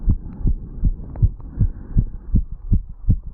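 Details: 35-year-old man, heartbeat recorded over the mitral valve area after jogging up stairs, standing still: fast, regular heartbeat at about 158 beats a minute with clear low thumps; tachycardia after exercise.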